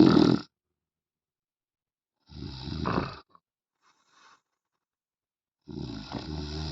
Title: World best Snoring man